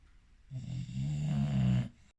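A single low, rattling breath-in that rises in loudness and lasts over a second, a typical snore.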